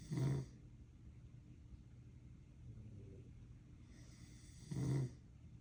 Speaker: I told my mother I don't snore, but she caught me doing this.